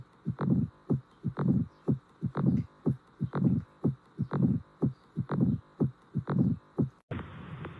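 Regular two-part lub-dub heartbeat at about 60 beats a minute, a normal heart rhythm without extra sounds.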